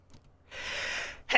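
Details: A streamer who has just said they have to sneeze takes a single sharp, breathy intake of air before a sneeze; a gasp, followed by the start of a louder sound.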